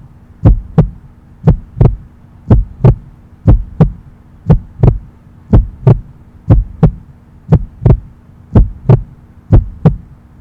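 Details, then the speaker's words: Normal first and second heart sounds (lub-dub), meant for listening on earphones: steady paired beats at about 58 per minute over a low hum. "लब dub लब dub लब dub, first sound, second sound. Hard sound है ये, first hard sound, dub is second."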